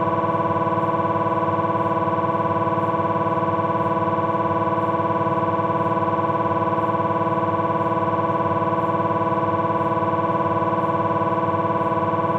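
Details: Philips 1.5 T MRI abdominal scan: loud, steady buzzing drone with rapid regular pulsing, about 220 a minute, gradient noise of the scanner running a sequence.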